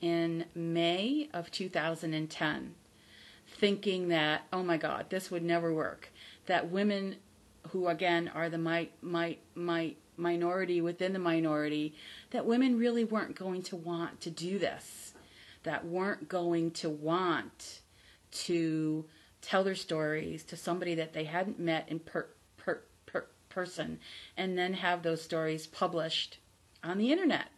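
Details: Adult woman with stuttering, real, formerly a covert stutterer, who still stutters but no longer fears stuttering; stuttering.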